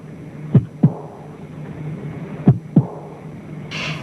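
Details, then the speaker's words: Simulated heartbeat said to represent Adolf Hitler's heart: paired sounds about 31 a minute with a loud, sharp, drum-like accentuated (tambour) second heart sound, suggested to indicate terminal coronary syphilis. "this is what Hitler's heart sounded like with its distinctive abnormal beat that could indicate the terminal state of coronary syphilis"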